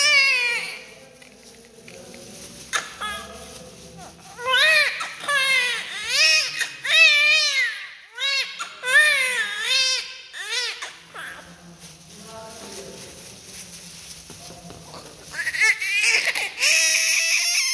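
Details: Newborn just after birth during umbilical cord cutting, clamping and cleaning: repeated loud, high-pitched cries with whimpers and short pauses; strong, vigorous newborn cry.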